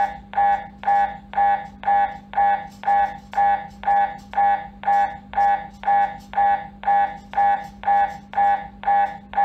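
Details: Loud, rapid, regular buzzing pulses, about two per second, over a steady low hum: MRI scanner gradient noise recorded during an MRI scan.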